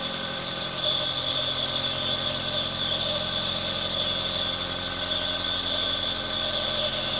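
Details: Nebulizer compressor running continuously: steady, unbroken mechanical hum with a strong airy hiss and no pauses.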